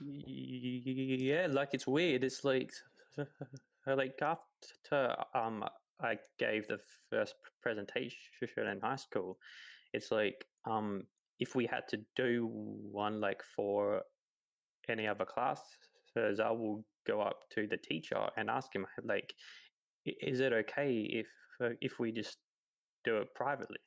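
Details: 28-year-old man who has stuttered his whole life, since about age three, real speech with repetitions and fillers; stuttering.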